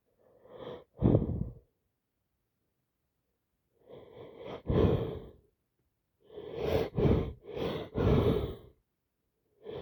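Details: Allergy attack with repeated sneezing: about seven explosive sneezes in ten seconds, some in quick pairs with short gaps between.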